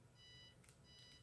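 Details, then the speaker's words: Continuous glucose monitor alarm warning of low blood glucose in an adult speaking during a service, who is drinking juice for it: two soft high-pitched electronic beep tones over faint room noise. "monitors are beeping that my glucose is low. So I don't have an abundance of glucose in my system right now."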